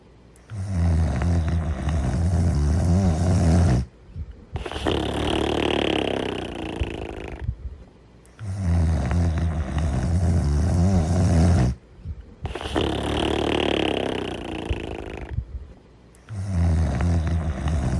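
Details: Slow, rhythmic snoring from two sleepers, low, fluttering rumbles on each breath, about thirteen breaths a minute.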